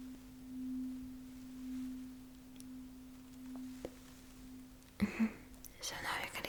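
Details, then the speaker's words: Simulated ASMR cranial nerve exam roleplay: a struck tuning fork placed behind each ear, then held beside it, gives a steady pure humming tone until no longer heard. Rinne test tuning fork tone. "And now I will put uh the tuning fork right behind your ear. Uhhuh. And uh we'll do the same test. So you will simply let me know uh when you stop hearing the sound."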